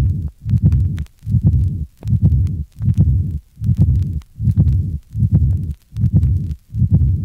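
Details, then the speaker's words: Patient with severe pulmonary hypertension, heard at the second–third left intercostal space. Accentuated pulmonic closure and a higher-pitched, decrescendo, blowing early diastolic murmur of pulmonary regurgitation (Graham Steell murmur). "this recording was taken from a patient with severe pulmonary hypertension note the higher pitch decrescendo blowing diastolic murmur of pulmonary regurgitation refer to figure 116."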